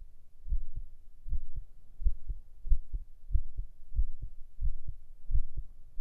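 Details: Binaural ASMR heart-sound recording made for relaxation and sleep: steady paired low thumps at about 92 a minute, a normal heartbeat.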